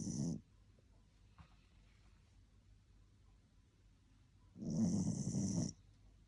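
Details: A sleeping Spitz dog snoring, with short, snorting snores that have a hissy edge, separated by about four seconds of quiet breathing.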